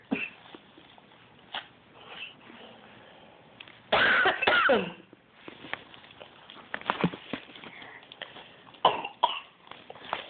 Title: My 15mo old son mocking me coughing